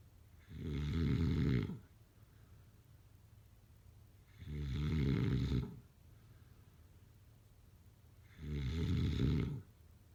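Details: Loud, low rumbling snores on each in-breath, about 15 a minute, with quiet pauses between.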